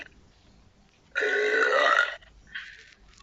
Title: More burpette belching